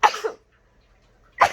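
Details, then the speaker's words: Young child imitating sneezing: two short explosive sneeze-like bursts with a pause between; fake, not real sneezes. "It's not as believable when you do it. You don't sneeze like that."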